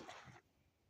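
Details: A single short, quiet cough from a child, an abrupt noisy burst followed by near silence.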